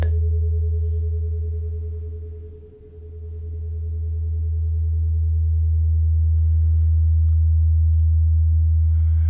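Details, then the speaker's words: Simulated ASMR roleplay hearing test: steady pure beeping test tone that fades out and returns as the listener is asked to signal when the sound starts and stops; pure-tone hearing test tone. "Now I'm gonna need you to tell me when you start hearing this sound."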